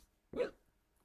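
A single short, abrupt voiced gulp in a quiet room, typical of a hiccup.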